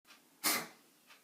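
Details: Dog named Toric in a quiet room: a single short, airy expulsive burst, consistent with a cough.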